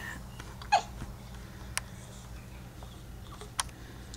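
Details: Brief, abrupt catches in the breath at irregular intervals in a quiet room from a small baby girl lying in her bed, who also sneezes; infant hiccups, a normal, harmless event.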